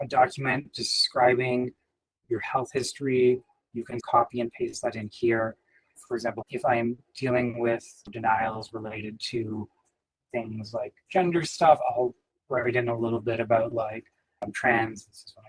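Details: Adult speaker; typical speech.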